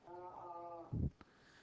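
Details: Male client's prolonged sustained "a" vowel, middle portion, with a voice break midway; measured jitter 1.06%, shimmer 4.08%, HNR about 19 dB; voice break in sustained vowel.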